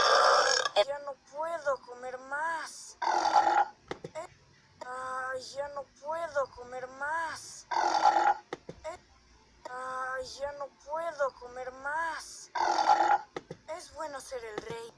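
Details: Burping compilation: about a dozen repeated loud voiced belches, some drawn out with rising and falling pitch, separated by short pauses.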